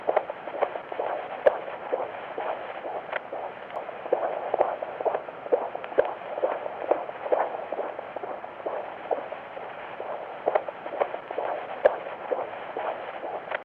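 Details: Fetal heartbeat on live ultrasound with Doppler, with cardiac activity shown: rapid, regular whooshing pulses at about 130 beats a minute, a normal fetal heartbeat.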